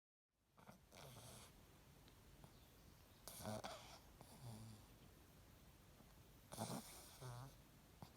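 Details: Selah snoozing: soft, irregular snuffling snores with faint snorts against noticeable room hiss; light snoring during sleep.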